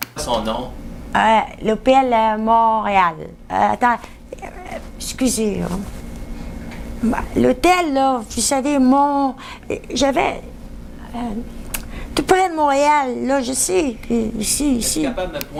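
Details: Woman examined in a neurology aphasia assessment during a picture description task, with fluent mixed aphasia involving paraphasias and expressive difficulty, with words roughly understandable; mixed aphasia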